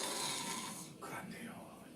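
A harsh, fluttering, noisy breath sound during sleep, followed by a quieter breath: snoring, an abnormal sleep breathing sound.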